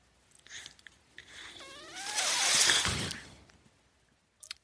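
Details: Speaker's own mechanical ventilator heard in the background of a spoken podcast recording, the machine delivering breaths.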